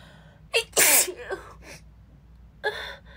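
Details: Female who is sick: sharp indrawn gasp, then a loud explosive sneeze and further short sneezes, more than she can take a full breath between; rapid run of sneezing.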